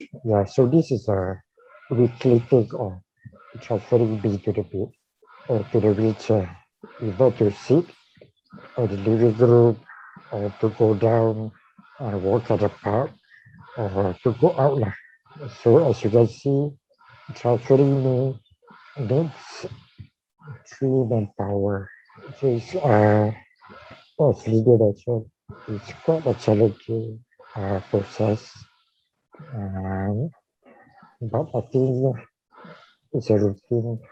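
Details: Dysarthria in a man with ALS/motor neuron disease diagnosed in 2018, tracheostomised late the previous year and ventilator-dependent, using leak speech around the tracheostomy while on the ventilator and needing suctioning between talking.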